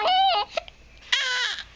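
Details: Infant boy with hiccups, which he dislikes, gives two short, high-pitched cries with a brief catch between them; ordinary fussy infant crying.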